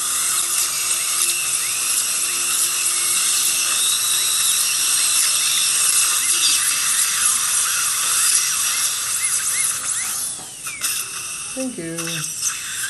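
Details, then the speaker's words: High continuous whine of a surgical drill with pitch swoops, briefly pausing near the end, sectioning a lower left third molar at the buccal groove during surgical extraction. "Trim the tooth into two layers. In the buffy groove, Okay."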